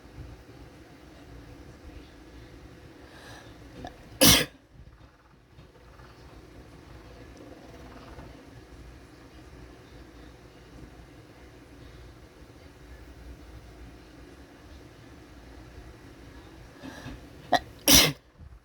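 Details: Two loud, explosive sneezes about thirteen seconds apart, with some snot, over a steady engine-like background hum.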